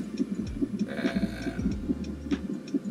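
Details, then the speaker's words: Woman almost 40 weeks pregnant being induced, waters broken, contractions increasing: fetal monitor giving fast, regular whooshing heartbeat pulses around 140 per minute, within normal range. "the contractions are getting a little bit more in my answer for you guys and it's breathing heartbeat and the contractions"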